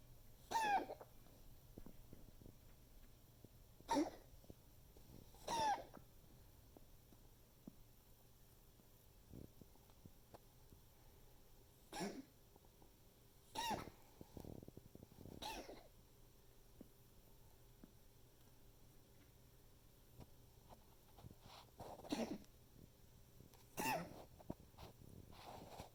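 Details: A dog's coughing fit, recorded by the owner to show the vet: about eight short, harsh coughs in irregular bursts, often in pairs; coughing fit.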